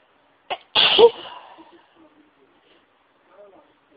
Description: Induced Sneezes that felt so good